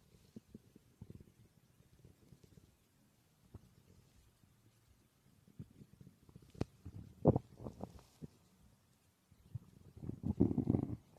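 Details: Faint, irregular gurgles and rumbles building into louder bubbling bursts near the end, with possible background noise; stomach growling (borborygmi).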